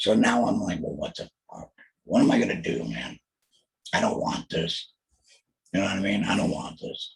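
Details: Alaryngeal speech from a laryngectomee diagnosed with throat cancer in 2020, treated with total laryngectomy followed by chemotherapy and radiation.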